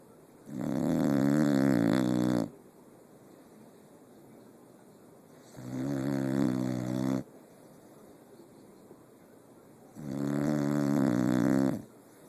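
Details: Three loud, long, rattling snores on the in-breath, separated by quiet pauses of a few seconds: ordinary snoring.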